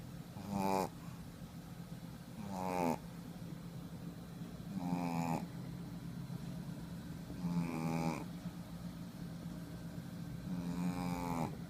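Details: Female shih tzu snoring while asleep: five rhythmic, drawn-out snores roughly every 2.5 seconds, about 24 breaths a minute, with a low steady hum behind.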